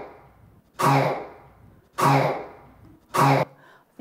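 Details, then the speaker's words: Honking cough played by a respiratory and sleep physician at a children's hospital, discussed with chronic cough in children where honking may suggest tracheomalacia or psychogenic cough: three loud, harsh, goose-like coughs about a second apart. "a barking or honking cough can suggest tracking Malaysia or psychogenic cough and staccato cough chlamydia pneumoniae or paroxysmal cough pertussis so I've got a little clip of a honking cough from the other day oh"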